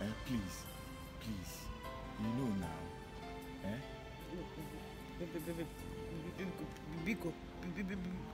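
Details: Male character in a comedy skit portraying a stammerer; stuttering (acted).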